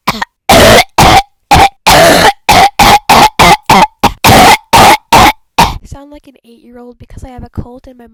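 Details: Deliberate series of coughs from a person with a cold: a rapid run of about fifteen harsh, forceful coughs in close bursts, then a few quieter voiced throat sounds.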